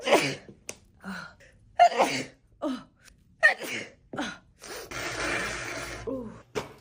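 A run of about six sharp sneezes with quick gasping in-breaths between them, then a long blowing exhale. Sneezing fit.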